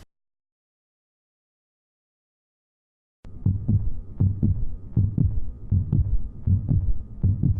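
Silence, then a steady lub-dub heartbeat at about 80 beats a minute with a low hum behind it.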